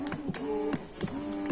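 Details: Rhythmic mechanical whirring and clicking cycles, roughly every third of a second, from a Crown Babycare electric breast pump switched on; it has strength levels up to 9, and the user usually uses level 6.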